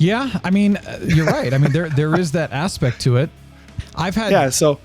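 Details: Adult male; normal voice.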